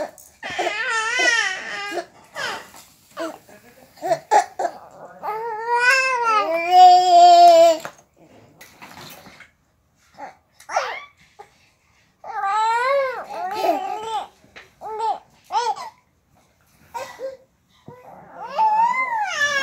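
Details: A 3-month-old baby girl cries in short wailing bursts with fussing and babbling sounds between, in a small room.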